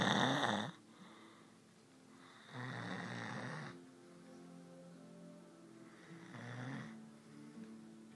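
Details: Loud, rough snores at regular intervals about every three seconds from a sleeping person, with soft music playing in the background; ordinary snoring.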